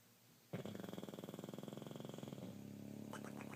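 A long, fluttering, vibrating snore on the in-breath, with rapid rattling pulses, then a softer rumble. Snoring.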